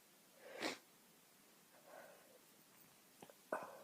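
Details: Single sharp sneeze from a woman, quieter breaths, then a second short burst near the end, in a quiet room; sneezing fit.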